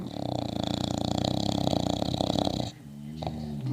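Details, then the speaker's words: Dog Billy asleep on a couch, using his also-snoring sister Molly as a pillow, tongue moving; loud, rapid, rattling snore with a buzzing flutter through the breath, then a quieter pause; dog snoring. "I'd like to show you my dog Billy snoring, sleeping on a nice couch, using his sister Molly, who is also snoring, as a pillow."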